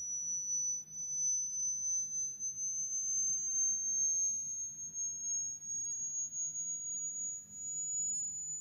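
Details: Hearing test on a dog named Coco: steady high-pitched pure tone slowly rising in pitch over a faint low background hum; hearing test tones.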